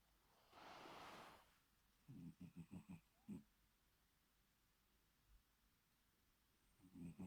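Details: Bengal cat snoring while asleep, reluctant to wake: a soft hiss of breath, then a quick run of low, rattling snorts and another burst near the end.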